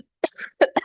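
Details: A brief cluster of sharp, dry coughs with a short catch of breath between them, from an adult woman with a hoarse voice at the tail end of a cold caught from her children.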